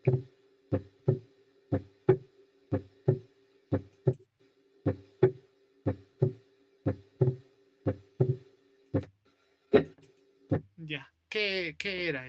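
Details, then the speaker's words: Heartbeat at about 60 a minute with a faint steady hum and a small extra sound just after the second heart sound: split S2 (diastolic splitting), played as a teaching recording. "Podría ser desdoblamiento en síol. M. M. Desdoblamiento diastólico. Exacto. Desdoblamiento diólico o del segundo ruido."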